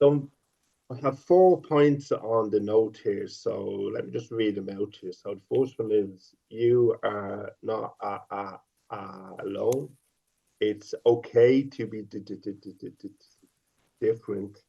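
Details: 50-year-old man who has stuttered since age five; stuttering with sound repetitions and prolongations.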